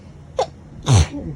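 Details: Allergic sneezing fit in autumn: a quick sharp intake of breath followed by a single forceful voiced sneeze.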